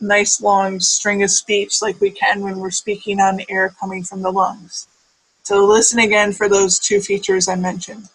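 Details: Adult speaker; normal speech.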